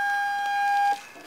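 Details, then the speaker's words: Allied AHP 300 portable transport ventilator being set up on a 100% oxygen bottle that was not connected well: a steady, high-pitched whistle from the bottle's oxygen regulator holds about a second, then cuts off. "my O2 bottle but that's 100% oxygen that whistle is actually coming from the regulator on the bottle"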